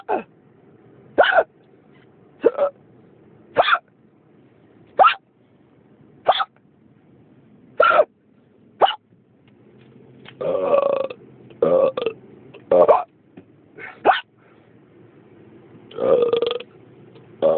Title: Hiccups again